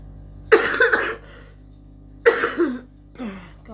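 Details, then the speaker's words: An adult gives two harsh, rough coughs with a softer trailing one, in a quiet room with a faint hum. The person says it sounds like a smoker's cough, though they quit smoking long ago. "it sounds like a smoker's cough i'm not a smoker at all used to be long time ago not now"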